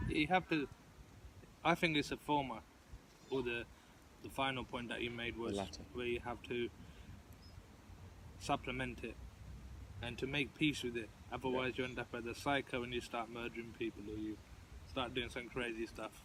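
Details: Adult who stutters, participating in a stuttering support group discussion; stuttering.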